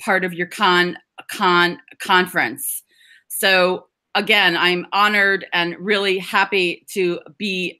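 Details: Adult woman who describes herself as a person who stutters/stammers and serves on the National Stuttering Association board, giving a stuttering awareness talk; stuttering.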